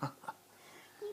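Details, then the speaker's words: A 1-week-old newborn boy gives short, abrupt voiced catches: hiccups, a common harmless event at this age. "Who's got the hiccups?"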